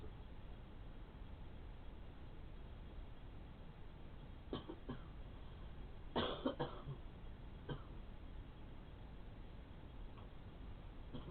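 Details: Several faint, scattered night-time coughs, including a short cluster, over steady background hiss, from an adult woman (the caregiver's mother) raised on pillows; caregiver suspects postnasal drip or a heart valve problem; cough.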